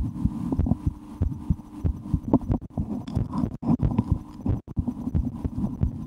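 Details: Stethoscope on an adult after a restaurant lunch of porcini mushroom soup and a sandwich: steady heartbeat thumps mixed with irregular gurgling rumbles of active digestion: bowel sounds, stomach rumbling.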